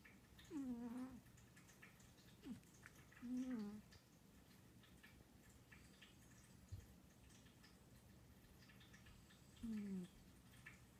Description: In which Professor Pudding proves that even kitties are not immune to snoring.